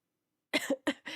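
A short run of about three harsh, loose-sounding coughs after a brief silence, consistent with a wet cough.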